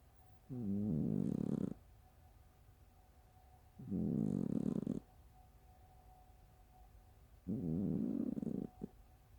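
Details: Three loud, buzzy, rumbling fart-like snores about three seconds apart, each with a fluttering rasp, from a sleeping cat; snoring.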